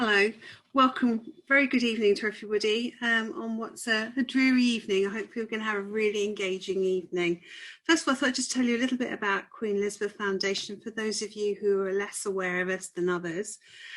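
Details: Adult woman; normal speech.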